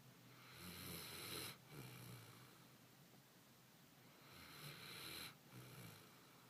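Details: Gibbs snoring: soft rhythmic snoring with hissing breaths and a brief snort, about 16 breaths a minute; ordinary snoring.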